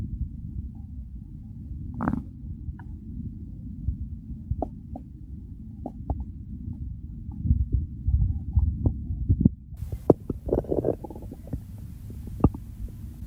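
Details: Real hunger-phase stomach growls: low steady rumbling with scattered gurgles and bubbling pops, with gurgling rising near the end; hunger borborygmi.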